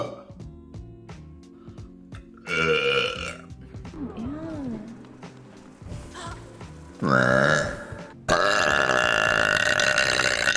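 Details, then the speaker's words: Girl streaming on Twitch, several loud, drawn-out croaky voiced burps after she says she just coughed and burped, with music and talk in the background; burping. "oh my God that was disgusting I just coughed and burped sorry I was right here that was so loud"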